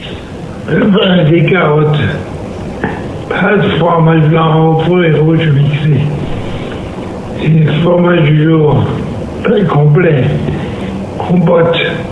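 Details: Person with Lewy body disease whose voice gurgles slightly after meals, which may mean food residue in the throat or aspiration; recording quality may be poor; wet voice.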